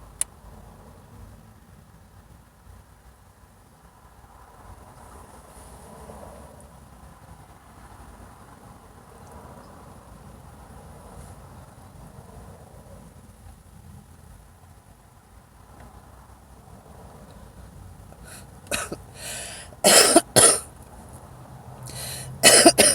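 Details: Adult woman smoker coughing while smoking a cigarette: quiet room noise, then a short cluster of harsh coughs near the end; smoker's cough.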